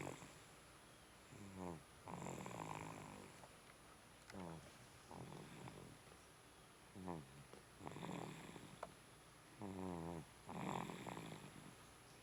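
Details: Snoring "like daddy": short rumbling, buzzing breaths repeat irregularly with quiet gaps, some soft and some louder; snoring during sleep.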